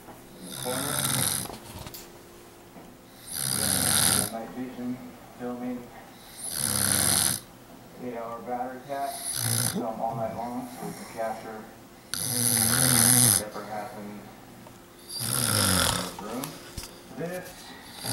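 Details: Man snoring in his sleep, recorded by camera at night, who later wakes and hits the camera; loud, rough, rattling snores about 21 a minute with fluttering in between over a faint room hum: heavy snoring.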